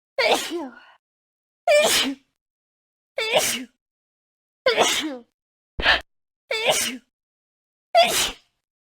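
Seven separate loud sneezes in a row, each a short sharp burst with a voiced call: ordinary sneezing.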